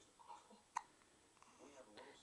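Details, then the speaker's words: A one-week-old baby boy, 21.5 inches long, who often gets hiccups and seems unbothered by them, hiccups while his parent talks to him: hiccups. "uh oh you got the hiccups look at those eyes look at those big eyeballs who's got the hiccups who's got the hiccups is that you is it you"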